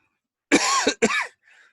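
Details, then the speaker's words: Two harsh, rough coughs in quick succession from an adult man in a quiet room; he states it is a chronic cough from an event a few years earlier, not coronavirus. "don't worry that's not the corona virus I have a chronic cough from an event that happened to me a few years back and you'll hear me cough but it ain't because I'm dying of the illness"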